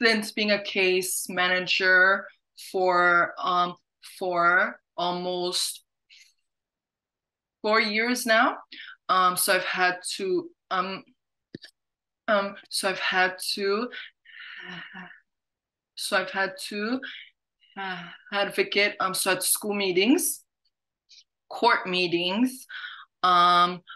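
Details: Stuttering in an adult woman working as a case manager, with repetitions and fillers.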